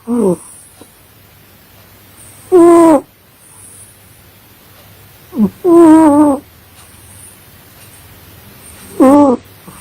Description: My funny cat Cat snoring while sleeping. I can't sleep :D Please Help me !! :))